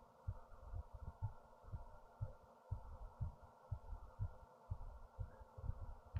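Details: Person's own racing heartbeat after standing up, recorded with a headphone speaker: quick, regular low thumps at about 120 a minute over a steady background hum; fast heartbeat.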